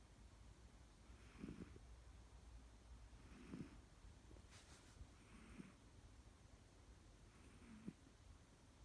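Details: Cat snoring softly in regular cycles, about one snore every two seconds, against low room noise.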